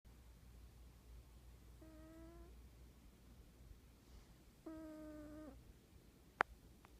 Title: he snore